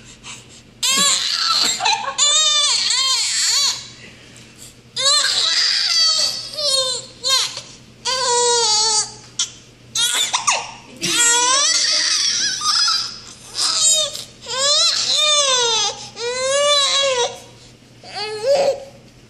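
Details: Infant fussing with hiccups, filmed 7/20/14: repeated bursts of high-pitched fussy crying separated by short breaths and pauses; infant cry.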